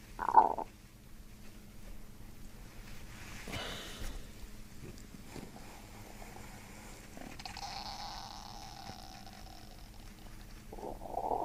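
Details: Loud gurgling bursts at start and end with a long squeaky, gliding gurgle between over a faint low rumble, from the abdomen above the belly button during chiropractic abdominal work; finding: bowel sounds (borborygmi).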